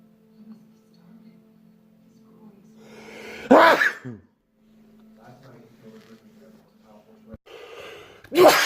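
Two loud explosive sneezes, the first with a drawn-in breath before it, over a steady background hum; forceful sneezing.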